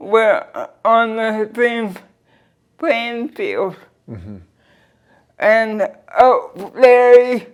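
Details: Dysarthria in a 46-year-old woman with cerebral palsy since birth who uses a wheelchair; finding: dysarthria (cerebral palsy).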